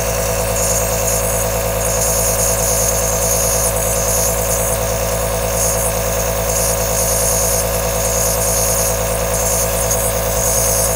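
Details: Aerosol compressor nebulizer running: a steady, unbroken mechanical drone with a low motor hum and soft hissing airflow, recorded as long-play white noise.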